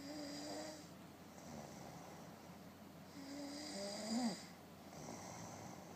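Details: Snoring.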